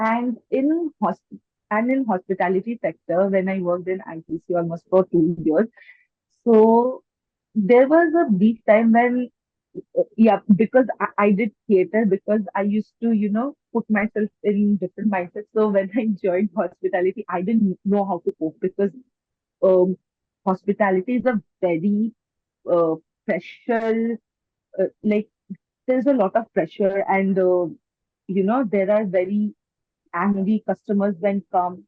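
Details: Woman with stammering since age four, mostly blocks where she gets stuck and cannot bring words out, worse when nervous or self-conscious: stammering.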